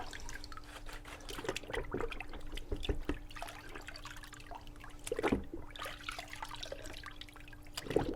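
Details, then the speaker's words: Water sloshes and drips with faint clicks as it is pushed back and forth through a Dispensette S medication dispensing pump during cleaning to flush out medication, with a steady low hum. "Just sort of move medication, or excuse me, move the water back and forth in it. Sort of get all the medication out."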